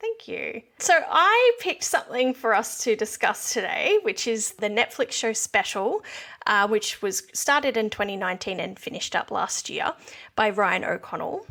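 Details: Adult woman; typical speech.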